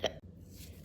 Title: Sorry I had hiccups 🤭￼